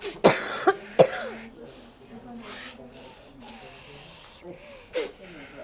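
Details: Patient with frequent fever, frequent cough and shoulder pain during an Islamic spiritual healing session: three sharp coughs in quick succession, then quieter breaths and a final cough; repeated cough.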